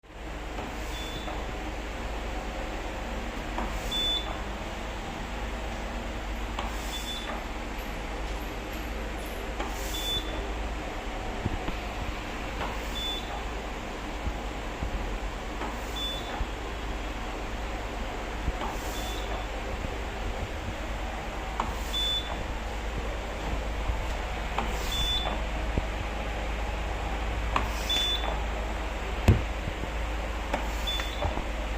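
Transport ventilator cycling about 20 times a minute, each cycle marked by a short beep and airflow rush.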